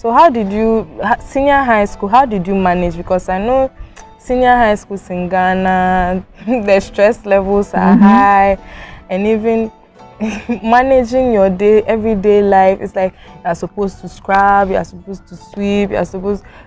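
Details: Adult speaker in conversation; Ordinary speech.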